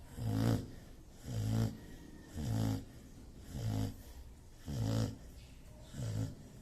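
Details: Snoring from a dog.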